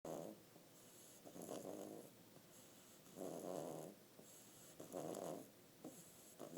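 Soft, irregular rasping sounds on breathing, roughly every few seconds, with quiet gaps between; snoring in a sleeping baby.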